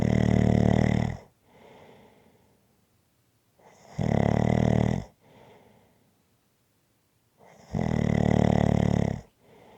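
Loud, rough snores on each breath in, with quieter breaths out between them, about three breaths in ten seconds. Ordinary snoring.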